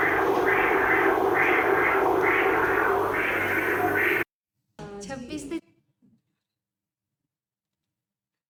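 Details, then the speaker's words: Intraoperative endoscopic Doppler placed over the sigmoid sinus during sigmoid sinus resurfacing: continuous low-velocity whoosh with rhythmic swells, showing cardiac pulsatility and respiratory phasicity: venous Doppler signal of the sigmoid sinus. "So they it had a low velocity it was a low velocity Venus waveform which showed cardiac pulsatility and respiratory phasity."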